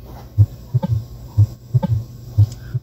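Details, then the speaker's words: Simulated auscultation from a practice app: mild mitral stenosis, heart sounds at about 60 beats a minute with a loud first sound, opening snap and low diastolic rumble. "también va a haber patologías por ejemplo una estenosis mitral leve"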